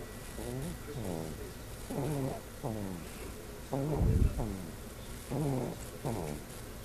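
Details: A sleeping infant, after 2-month vaccinations earlier that day, makes rhythmic, squeaky, voiced noises on each breath in and out at about 35 breaths a minute; infant snoring.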